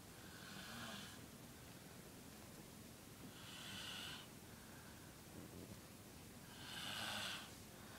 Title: 5 year old snoring loud!